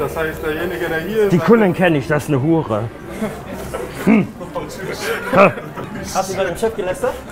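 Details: Adult man speaking German; ordinary speech.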